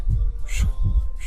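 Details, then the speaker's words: Muffled low heart thumps with a whooshing sound blurring between beats, heard by ear near the chest: a canine heart murmur. "se escucha o sea si me acerco se escucha se escucha Y se siente cuando es un soplo muy fuerte"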